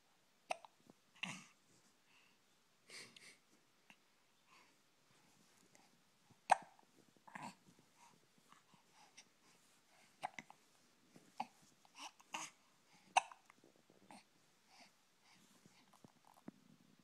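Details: Hiccups: faint, abrupt short clicks and gulps recurring irregularly in a quiet room.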